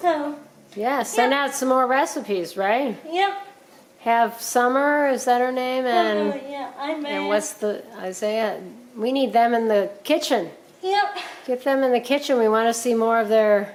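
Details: Adult woman speaking, possibly with a second voice; Normal conversational speech.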